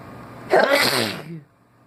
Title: Wake up sneezing